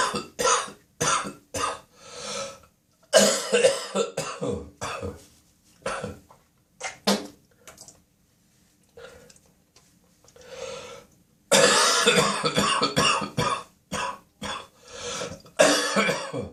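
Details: Adult's early-morning coughing spasm in the bathroom: repeated harsh cough bursts in clusters with throat clearing; productive cough, with spitting and nose blowing reported.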